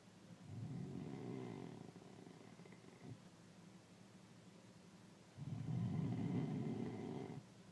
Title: Snoring 2